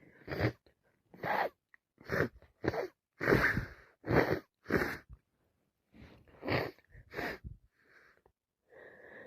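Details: Adult with a terrible head cold caught from a coworker: a rapid series of about ten short, sharp sneezes with sniffing between, alongside constant sniffing and coughing.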